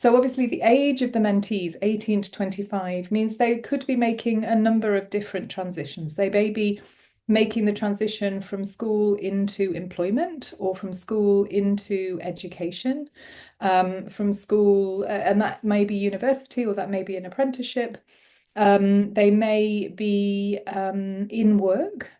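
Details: Adult woman speaking; typical speech.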